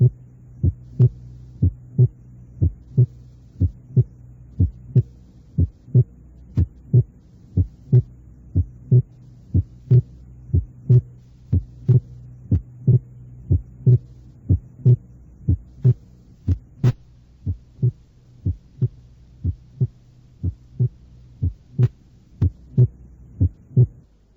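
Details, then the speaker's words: Simulated second heart sound, single or barely split in expiration and splitting on inspiration during slow breathing: normal inspiratory splitting of S2. "normalmente el segundo ruido cardíaco es único o muy ligeramente desdoblado durante la espiración y muestra un desdoblamiento en la inspiración escuchemos el desdoblamiento inspiratorio del segundo ruido tal como ocurriría con la respiración lenta y"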